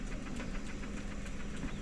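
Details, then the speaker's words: Bunnell Life Pulse high-frequency jet ventilator, respiratory care students' demonstration: rapid steady mechanical pulsing from the patient pulsator as its pinch valves open and close at a set rate of 420 breaths a minute. "So this is the patient pulsator. This is where this is where this is going to pulsate for the breaths."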